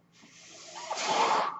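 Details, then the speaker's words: Real recording of a podcast host speaking while using his own mechanical ventilator; the ventilator's breathing noise is audible in the background during speech. Mechanical ventilator breath sounds. "My name is. That noise you're hearing is my ventilator."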